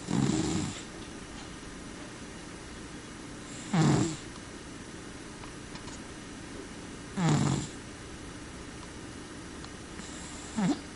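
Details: Soft, regular snores about every 3.5 seconds, roughly 17 a minute, from a sleeping cat: snoring.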